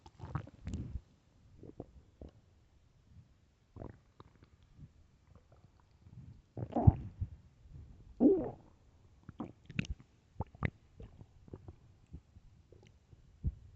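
Irregular low gurgling and rumbling growls with quiet gaps between them; loud hunger stomach growling, a normal bowel sound.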